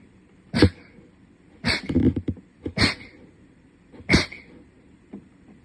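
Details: Four short, sharp, explosive bursts from a small animal, some followed by a little snort; repeated sneezing.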